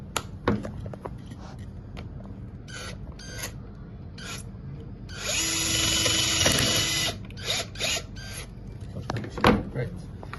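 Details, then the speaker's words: High whining drill in bursts with a sustained stretch midway and some talk: a drill boring the implant hole through a patient-specific drill guide for an Episurf custom 3D trochlear knee implant, in a workshop demonstration. "now what happens now is that you will use the full drill and drill the hole for the implant keep in all the way down all the way [Music] down"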